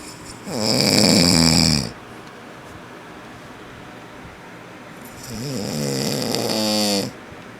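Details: A father snoring loudly, as he is known to do; two loud, rattling inhaled snores separated by a quiet pause; ordinary heavy snoring.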